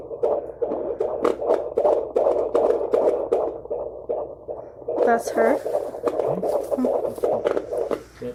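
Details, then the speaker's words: Fast, steady whooshing pulses, about 152–153 beats per minute, with a brief voice midway: normal fetal heartbeat of a viable pregnancy on a doctor's Doppler, stronger and more rhythmic than the mother's earlier phantom pregnancy. "it's way more stronger it's way more rhythmic it's way more expected of how it's supposed to sound"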